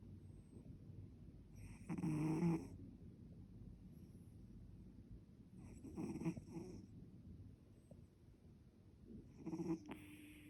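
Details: A pet cat snoring "like a man": three loud, rasping, deep, rough snores spread over about ten seconds of quiet breathing.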